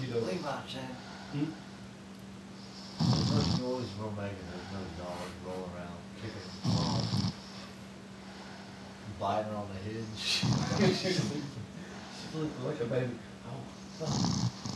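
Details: A woman who fell asleep after a long night of New Year's Eve partying; loud rattling snores at about 16 breaths a minute over a low room hum.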